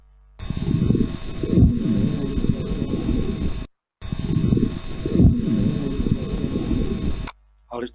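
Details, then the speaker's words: Simulated lung sounds of pulmonary fibrosis in an auscultation teaching session, starting at the tracheal site: dense, scratchy crackling through repeated breaths, with a brief voice at the end. Fine (dry) crackles. "Bien, vámonos a la fibrosis pulmonar. A ver, ¿cómo había sido la fibrosis pulmonar?"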